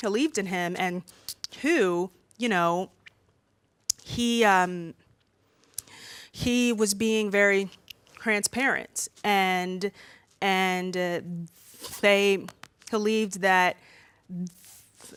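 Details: Female speaker who stutters, worse when nervous in front of a room full of people; stuttering.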